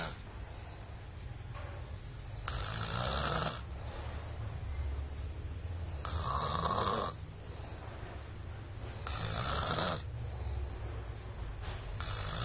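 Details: Loud, rough, comical snoring from a child in Purwokerto, Indonesia: regular inhale snores about 17 a minute with low rumble throughout; snoring.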